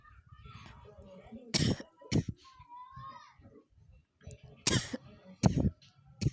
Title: coughing